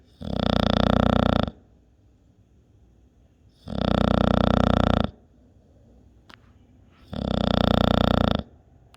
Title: top 3 snoring!